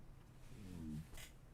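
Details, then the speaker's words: Stomach growling despite having eaten: a low, drawn-out gurgling rumble of about half a second, then a faint noise; borborygmi. "Golly, I ate. So I don't know why my stomach's making all this noise for. This is highly unorthodox."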